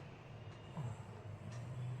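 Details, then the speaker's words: Grandmother snoring while asleep: quiet, low, rough rumbling sounds rising and falling with breathing against faint room noise. "তো আমার দিদা নাক ডাকছে, দেখো"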